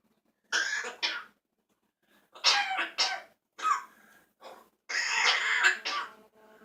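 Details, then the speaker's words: Child with a cold and runny nose at bedtime, coughing badly: repeated short coughs in clusters, about seven bursts in a few seconds; cough. "Oh. Got a runny nose too. And a bad cough."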